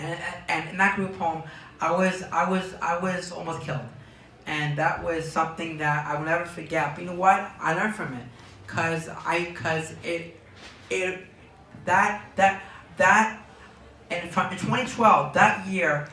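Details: Young man diagnosed with Tourette syndrome at age four, speaking in an interview; Tourette syndrome with word and phrase repetitions.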